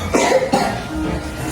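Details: A couple of short, harsh cough bursts from a child who is still feverish and coughing and off school, with faint music behind.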